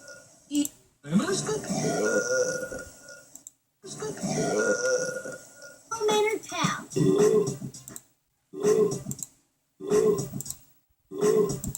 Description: An littles animals burping